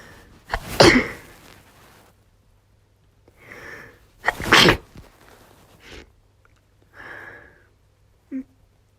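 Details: Female with a cold (sniffly, losing voice, coughing) gives two loud explosive sneezes, each preceded by a sharp inward breath, with quieter breaths and sniffles between in a quiet room; sneezing.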